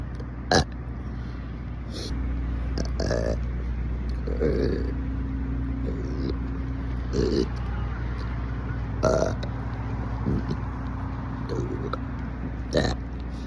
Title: A symphony of BURPS🫧🎼 on repeat play on loop #burps #burping #tbkburps